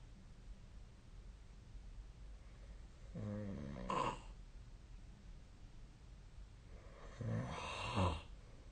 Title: 🐽 本日のイビキ / Snoring Sleep Sound 2025/03/11